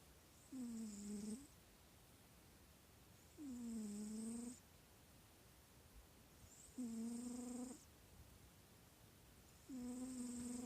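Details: Sleeping cat snoring: four steady, tonal snores with faint hiss, about 20 a minute, in a quiet room.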